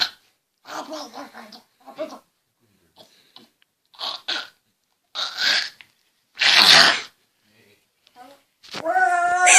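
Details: A person's run of unusual, breathy sneeze-like bursts, one loud and explosive, ending in a voiced cry; sneezing.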